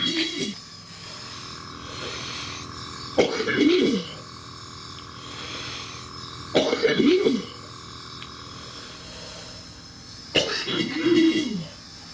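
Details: Four harsh, rattly cough bursts over about twelve seconds against a steady background hum, from a cyclist with cystic fibrosis and seriously impaired lung function on a Paris-to-Istanbul ride; a wet, productive cystic fibrosis cough.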